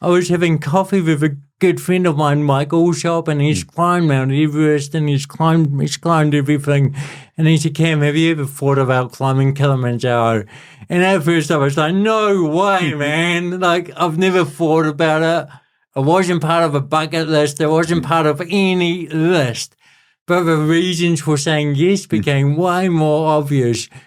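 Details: Adult man with cerebral palsy since birth, a physical disability affecting how messages travel around his body, who describes his voice as a little bit shaky; dysarthria (cerebral palsy).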